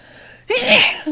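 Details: Woman sneezing during a sneezing session, her throat raw the next day: one loud, sudden, hissing sneeze after a short quiet breath-in.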